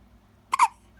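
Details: One-week-old baby girl with hiccups: a single sharp, abrupt double catch of breath with a brief voiced squeak over quiet room hum: hiccups.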